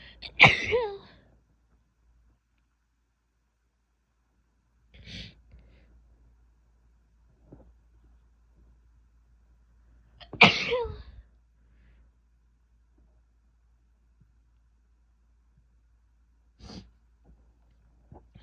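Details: Female sneezing: two full sneezes and several softer, stifled sneezes separated by quiet pauses.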